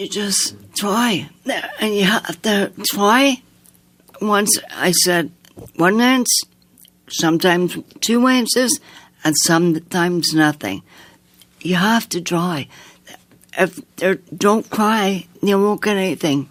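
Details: Woman with aphasia after an aneurysm, a heart attack and two strokes in 2012 at age 54, with right-sided paralysis; she was initially unable to speak and relearned speech over nine months in hospital with a speech-language pathologist; she can sing and is worse when tired; aphasia.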